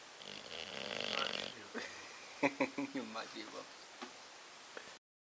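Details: Snoring from Bobby, a bulldog: a noisy snorting breath, then a run of short grunting, buzzing sounds in a quiet room.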